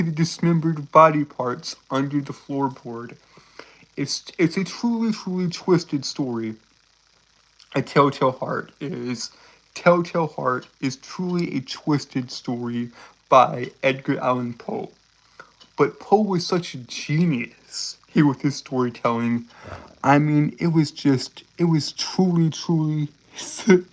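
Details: Stuttering in a male streamer with a self-reported speech impediment that makes him stutter and trip over his words.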